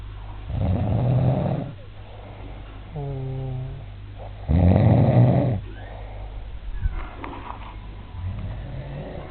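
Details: A man filmed asleep to prove he snores after he denied it; loud, low, rumbling snores with a brief whistling tone between them; snoring.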